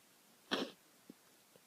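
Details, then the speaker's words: Girl with dog allergy sneezing in a car with a dog: one short, sharp, explosive sneeze with a faint sound afterward. "I have to sneeze."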